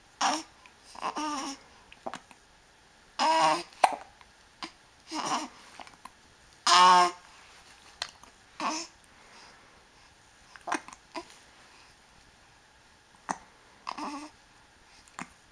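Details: Infant girl babbling and making soft vocal sounds with several brief, sharp, irregular hiccup catches in a quiet room; hiccups.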